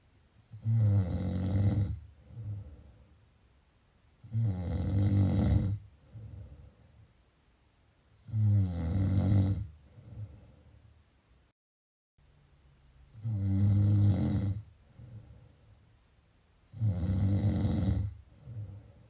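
Loud, deep, rumbling snores on each inward breath, five in about 19 seconds, with softer outward breaths between them.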